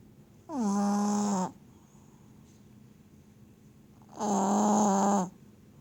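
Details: Loud snoring: two long, loud, buzzy, whistling snores about four seconds apart, steady and tonal, with quiet room noise between.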